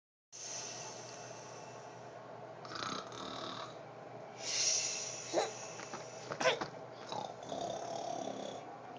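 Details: Mother snoring during sleep: rough, irregular snoring breaths with snorts, mixed with some background noise.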